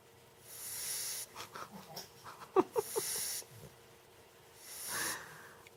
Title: puppy snoring